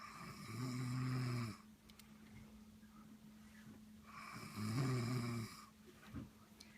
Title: Brother snoring